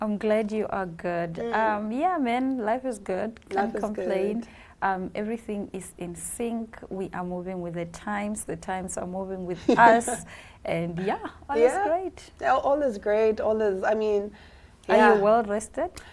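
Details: Adult woman speaking; normal voice.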